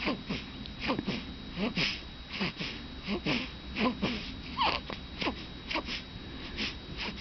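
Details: Baby snoring: rapid, irregular snorting breath noises, roughly 77 a minute, in a small room; noisy snoring.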